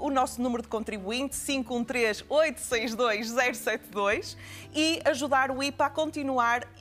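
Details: Adult woman speaking; Normal speech.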